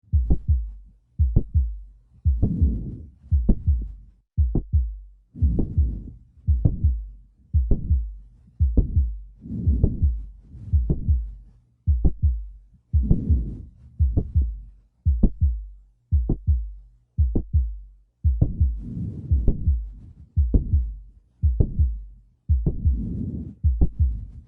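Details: Heart auscultation in mitral valve prolapse: a mid-to-late systolic click followed by a late systolic murmur.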